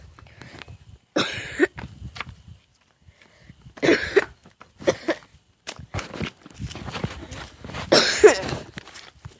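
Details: Person outdoors who says they are perfectly fine: about three harsh, noisy cough bursts with quieter throat sounds and shuffling between, a deliberately imitated cough.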